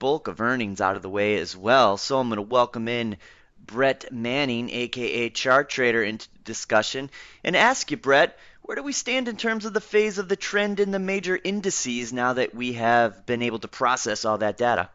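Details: Adult man speaking; normal voice.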